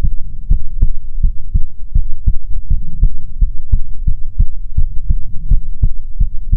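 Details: ASMR heartbeat recording: strong, clear lub-dub heartbeat, regular at roughly 85 beats a minute; steady heart rhythm.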